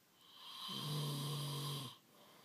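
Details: Adult male partner snoring in his sleep before being woken and asked to turn over: one long, low, droning snore on a single breath with a steady buzzing tone.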